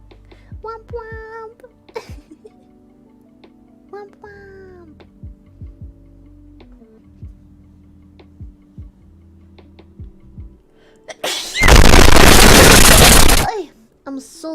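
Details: VTuber sneezing on stream: soft background music, then one sudden loud, harsh burst heard as a single adult sneeze.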